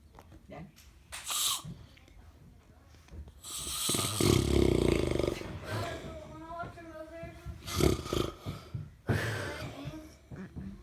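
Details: Grandfather snoring: loud rattling breath sounds, one long snore with a rough low flutter, amid room noise and a few voice-like sounds.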